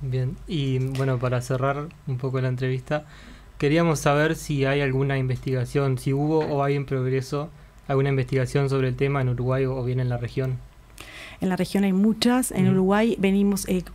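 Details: Adult speakers in an interview, Spanish; typical speech.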